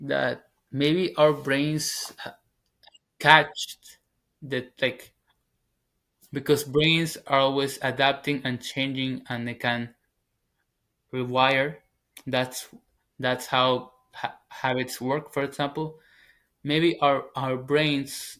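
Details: Stuttering in a 21-year-old man, a former covert stutterer who now stutters openly, speaking English as his second language.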